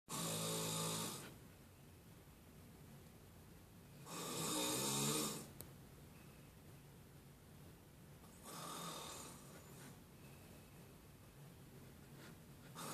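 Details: Heavy, very loud snoring from a friend fast asleep: loud, rough snores roughly every four seconds, about 14 a minute, with quiet breathing between.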